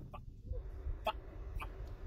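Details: Vocal tic in an adult man with Tourette syndrome.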